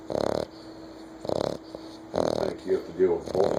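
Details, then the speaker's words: A 9-week-old American Bulldog puppy snores while sleeping, with short noisy snorting snores repeating about every second and faint talk nearby; the owner wonders how he will snore at 100 lb. "us when we sleep he SN this out now what do you think he going to SN like at 100 lb"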